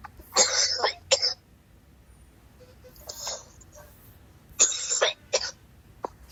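An adult gives harsh, forceful coughs in two quick clusters, with a softer cough in the pause between.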